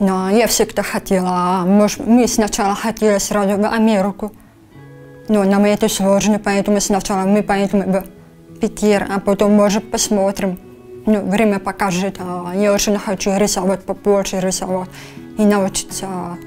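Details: 23-year-old woman diagnosed with grade 3 hearing loss in infancy, cochlear implant at age 7, speech learned with a speech therapist afterwards; speech of a prelingually deaf cochlear implant user.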